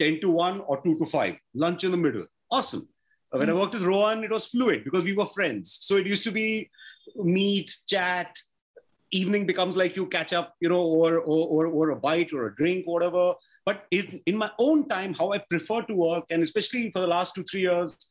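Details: Stuttering in an adult man, a film director, who says he stammers.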